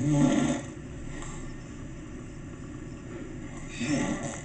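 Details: Grandfather, who claims he doesn't snore, asleep and relaxed at a cabin: low, rough snoring breaths at the start and end with quiet breathing between, under steady room noise; snoring.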